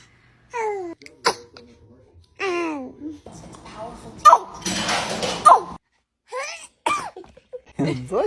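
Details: A baby gives several short, sharp bursts with soft vocal sounds and babbling between them: infant sneezes.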